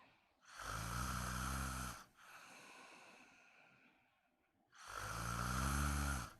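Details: Woman snoring during a daytime nap, wondering if she needs a CPAP mask: loud, rattling inspiratory snores with a quieter breath out between them.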